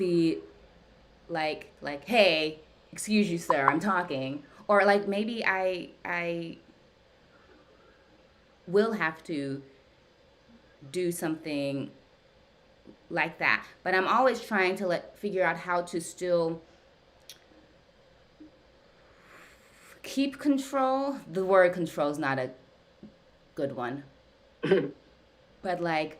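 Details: Adult woman who stutters, with usually silent blocks, speaking during a live session with her speech-language pathologist, whose therapy she says has gradually helped her speech; stuttering.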